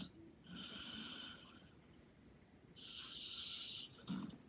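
Two soft, whistling, nasal breath sounds about two seconds apart over steady room noise; light snoring.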